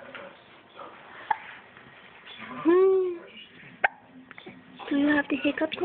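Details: Two sharp, brief hiccups about two and a half seconds apart, with a whine and human voices nearby.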